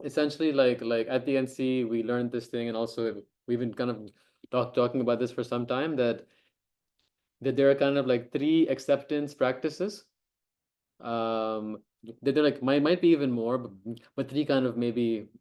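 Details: Adult who stammers and co-hosts an online stammering self-help group meeting; stuttering.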